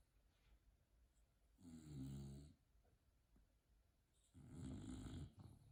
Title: Snoring Bulldog Couch 🛋 Potato 🥔